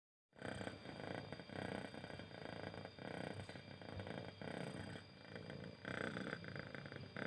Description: cat sound- cat snoring.in this video I want to show you how a cat snoring even she is not sleeping. the sound is loud and relaxing.